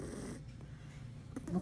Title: Snoring cat Kala q Tao lng humihilik pti dn pla pusa 😂